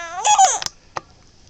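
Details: Baby girl under 2 months old: a brief whimper, then a couple of short, sharp hiccup sounds in a quiet room; infant hiccups.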